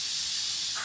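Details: Testing a high-speed dental handpiece with a rotary instrument attached, switched to water and held over the sink to check water flow, during the daily office-opening routine: steady high-pitched hiss with water spray; high-speed dental handpiece with water spray.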